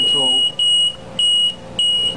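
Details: LP10 home ventilator alarm sounding as the mode is switched from standby to assist control: loud, high-pitched repeating beeps, about three in two seconds, with faint room talk.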